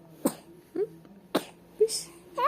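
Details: Two short, sharp coughs from an infant, each followed by a small whimper, over a faint steady hum; a sick baby coughing.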